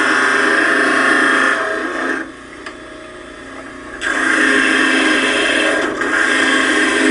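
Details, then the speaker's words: Dental lab: a 12-inch model trimmer with a water spray attachment grinds the land areas off stone models to flatten them. Loud steady gritty grinding with a brief drop in load midway. "and then uh we're going to grind off all of the uh the land areas and flatten out"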